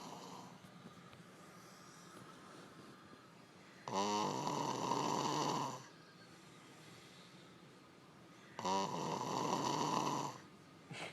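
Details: Real snoring during sleep: two loud rough snores about five seconds apart, each lasting around two seconds, over quiet room noise.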